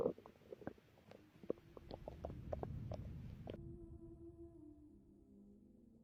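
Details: Gurgling, bubbly stomach growls with clicks and a drawn-out, low rumbling tone fading at the end, recorded from a pregnant woman's abdomen while she rested before her contractions began; bowel sounds.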